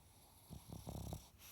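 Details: Snoring, likely from a dog: a brief, low, fluttering breath noise with a few rattling pulses.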